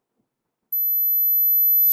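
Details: A steady, very high-pitched 12 kHz pure tone used to screen age-related high-frequency hearing loss; not hearing it suggests hearing of a person in their 60s.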